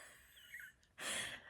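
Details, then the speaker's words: A dog's snore heard in the background while its owner talks: a brief, noisy, snorting breath after a quiet moment, with faint chirpy sounds behind. "If you hear that, that's my dog"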